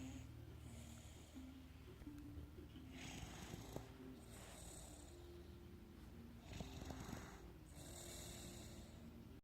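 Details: Soft, rhythmic, breathy snores every few seconds, partly masked by background music; snoring.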